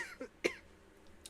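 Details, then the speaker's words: Single short, sharp cough from an adult with softer throat sounds around it in a quiet room; the speaker attributes it to weeks of dust from nearby highway demolition, saying the lungs feel full of dust. "So honestly, I feel like my my lungs are full of dust. [cough] [snorts] And when I talk more, I like breathe more."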